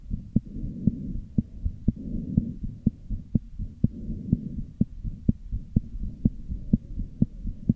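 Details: Heart murmur with arrhythmia.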